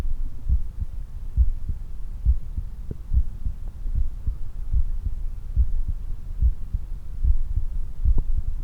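Steady low heartbeats at about 70 a minute with a background hum; normal heart sounds after exercise.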